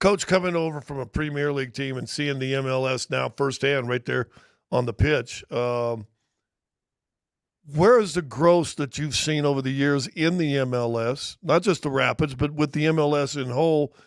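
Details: Adult man speaking; normal voice.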